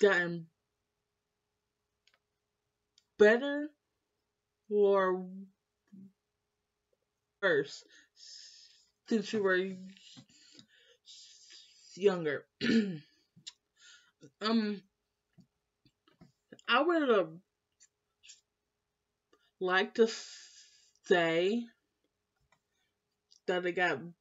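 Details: Female with lifelong stuttering since starting school, always in speech therapy class; blocks when stressed; her mother and uncle also stutter; stuttering.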